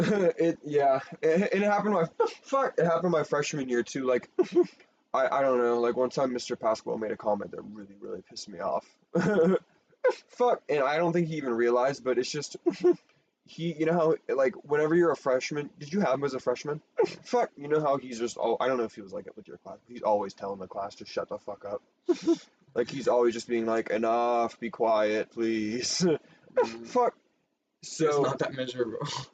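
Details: Young adult speaker; Tourette syndrome vocal tics (coprolalia).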